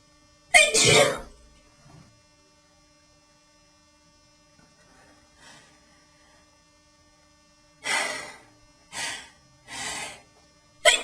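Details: Sneezing attack during eyebrow tweezing: one forceful sneeze, a pause, then a quick run of four loud sneezes in a small quiet room: a sneezing fit.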